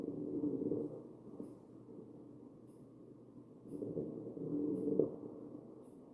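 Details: Wheezing in a real patient on a mechanical ventilator, chest breath sounds.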